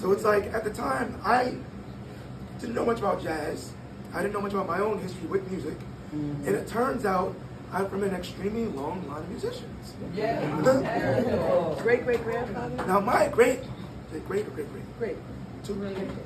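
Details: 22-year-old man born prematurely at about one pound, vocal cords having had to develop as he grew and still not closing all the way; breathy voice from incomplete vocal fold closure.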